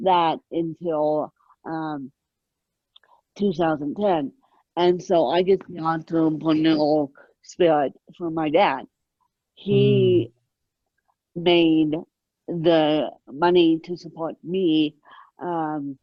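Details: Adult woman born with moderate ataxic cerebral palsy, mid-spectrum, caused by lack of oxygen at birth, needing 24-hour care; ataxic dysarthria.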